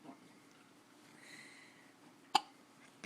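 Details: Child with hiccups, keeping her lips closed: a single sharp, muffled hiccup breaks an otherwise quiet stretch.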